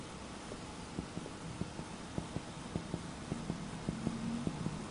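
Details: Teaching demonstration of finger percussion of the chest mapping absolute and relative cardiac dullness, tracing heart borders from the intercostal spaces: a series of about 20 short, dull taps.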